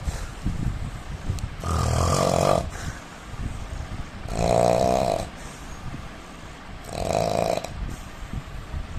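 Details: Indian man snoring with deep, loud rattling snores on each inhalation, about 20 breaths a minute.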